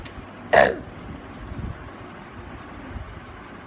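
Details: Child with vocal cord dysfunction, suspected tracheomalacia and mild obstruction on spirometry: two short, harsh, barking cough bursts separated by a quiet pause.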